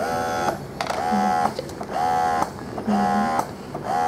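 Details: Single electric breast pump running, with stimulation and expression modes: rhythmic, low-noise motor whir with a suction cycle about once a second.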